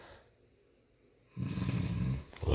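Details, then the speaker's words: Adult woman (wife) snoring in sleep at night, heard nightly by her spouse: a quiet pause then one loud, low, rattling snore on an in-breath. "Can't fall asleep. Every night the same thing. Snoring away my wife."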